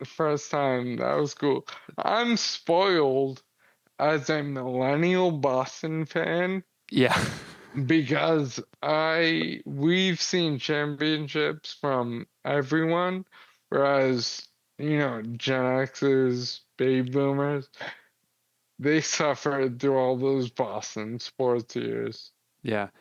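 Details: 35-year-old man with Friedreich's ataxia, a progressive inherited neurological disease diagnosed at 19 and affecting muscle coordination; it affects his jaw and tongue movement, noticeable since about age 33-34; wheelchair user; ataxic dysarthria.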